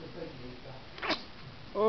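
A single sharp sneeze burst over quiet room noise, followed by the start of a voice; one sneeze.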